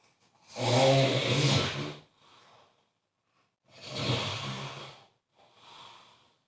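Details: Two loud, rough, rattling snores on inhalation, each followed by a softer exhalation, about five seconds apart; snoring.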